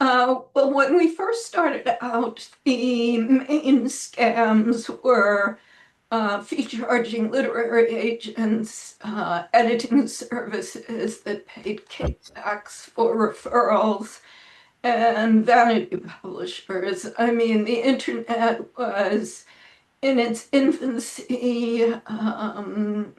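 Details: Adult woman with spasmodic dysphonia, self-reported; severity varies from day to day and she says this recording is on a not particularly good day; real, not acted; spasmodic dysphonia.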